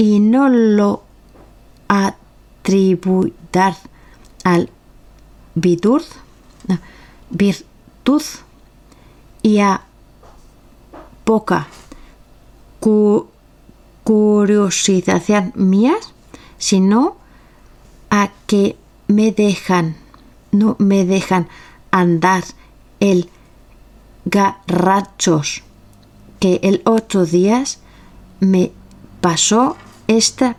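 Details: Aphasia in a member of an aphasia association (Afasia Activa), recorded reading Don Quixote chapter XII aloud in Spanish for a virtual reading event.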